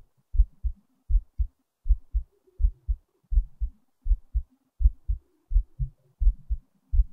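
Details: Heartbeat recording: steady paired lub-dub heart sounds at about 80 beats a minute; heartbeat.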